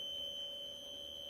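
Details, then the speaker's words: Steady high-pitched electronic alarm tone from a medical pump that froze and became unusable after a live security-attack demonstration exhausted its system resources. "and then it hangs you hear an alarm and basically the device is unusable now"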